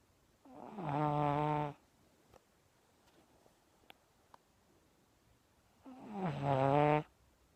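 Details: Sleeping pug puppy snoring: two long, buzzing, tonal snores about five seconds apart with quiet pauses between.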